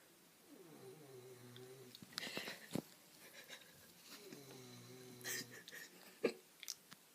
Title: 7 year old brother snoring (so funny must watch)